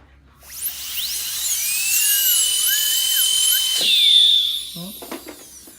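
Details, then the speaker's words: High-speed dental handpiece with a carbide burr whining as it spins up and grinds, pitch rising and falling under load, then winding down, while cutting a badly seized nut on a stuck low-speed Midwest shorty handpiece, trying not to cut too deep. "So we'll try not to go too deep, but this one was really seized up, so we'll see what we can do here now."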